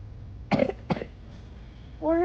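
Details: A child coughs twice, quick and dry, while browsing a store toy aisle, followed by the start of a voice; cough.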